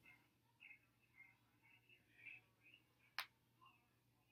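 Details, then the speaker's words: Dancer stretching a stiff back before dance class: a single sharp crack against soft rustling, a back joint popping during the stretch; joint cracking. "this is something I do because my back has to crack a lot"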